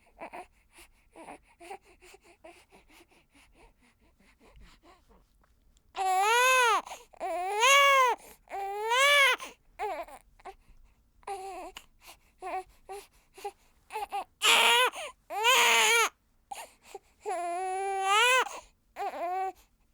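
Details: A one-week-old baby girl recorded with a ZOOM F8n recorder and Sennheiser MKH416 microphone: soft whimpering builds into loud, high-pitched, rhythmic crying bursts separated by brief breaths. Newborn cry.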